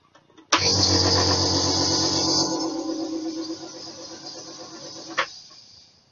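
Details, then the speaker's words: Second, louder nebulizer run for comparison with a new portable one bought online: loud, steady mechanical buzzing hum that starts abruptly, runs several seconds, then stops; compressor nebulizer running. "well hello they're actually getting some steam out of it and he's quiet I'll tell you what I turned my other one on and you'll hear what that's like"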